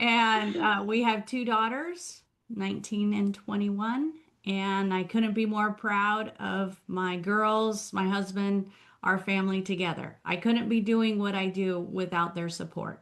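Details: Adult woman speaking; typical speech.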